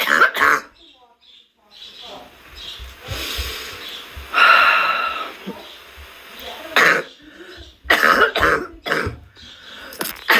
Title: coughing sound effect